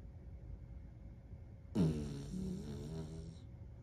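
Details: Small dog sleeping on his back; a single soft, buzzy snore lasting under two seconds; gentle snoring.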